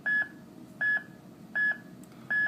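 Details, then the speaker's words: Steady, evenly spaced monitor beeps at about 80 a minute from a manual monitor-defibrillator sensing heart activity through paddles (sternal paddle right upper chest below clavicle, other at mid-axillary line); normal sinus rhythm. "if we look at the monitor now we can see that those pedals are sensing the electrical activity of the heart and that activity is a normal sinus"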